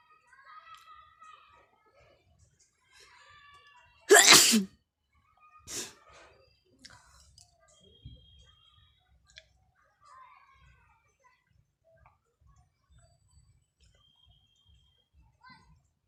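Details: Sneeze induced by tickling the nose with a grass flower during a sneezing challenge, eyes and nose watering: one loud forceful sneeze, then a smaller second sneeze, quiet sniffling, faint background talk.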